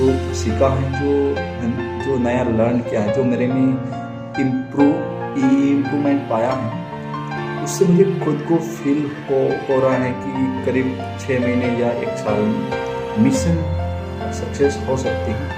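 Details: Adult man who says he stammers and accepts his stammering, speaking Hindi over background music as part of a self-managed stammering mission; stuttering.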